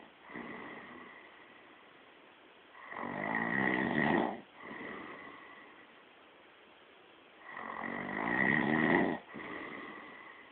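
Rough, rattling snores on each inbreath with softer outbreaths, about 12 breaths a minute; typical snoring.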